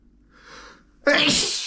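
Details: Man trying to hold back his sneezes.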